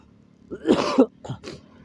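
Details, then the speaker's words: Cough from a security guard who is riding a motorcycle. He has a cold and a cough that won't go away despite taking medicine. One deep, harsh cough burst is followed by two smaller coughs over steady engine noise. "Naubo na naman ako sinisipon. Bayan, umiinom naman ako ng gamot. Bakit di mawawala-wala?"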